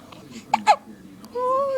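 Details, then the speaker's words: Baby boy with hiccups, his belly popping up with each one, makes two quick, abrupt gulping sounds in close succession, then a brief vocalization; infant hiccups. "you're such a tough little guy hiccups you can beat those hiccups another one oh they gone"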